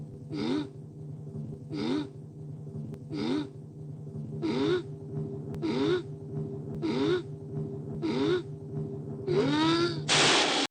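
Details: Dolores's endlessly building sneeze: seven rhythmic voiced in-breath gasps, each rising and falling in pitch, build to one sharp sneeze at the end, a pre-sneeze gasping wind-up.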